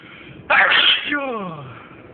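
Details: Person making an unstifled loud sneeze: sharp burst of air noise followed by a falling voiced tail, in a quiet room; sneeze.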